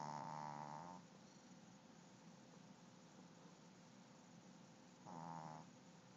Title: My dog snores loud